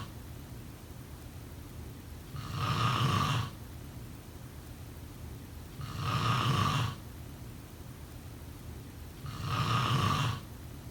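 Three loud, rough, rattling snores on breathing in, about 17 a minute, with quiet breathing out between; ordinary snoring.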